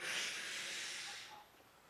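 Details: Forceful nasal exhalation, a single strong hissing blast of air out through the nose fading over about a second, during an attempt to sneeze after sniffing black pepper with one nostril plugged and dyed water held in the mouth.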